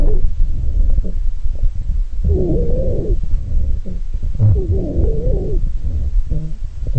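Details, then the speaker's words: Low-pitched snoring, moaning breath sounds with gurgling rattle through each breath: rhonchi, as air moves through bronchi coated with mucus or secretions. "Rhonchi sounds have a continuous snoring, gurgling, or rattle-like quality. Rhonchi occur in the bronchi as air moves through tracheal-bronchial passages coated with mucus or respiratory secretions."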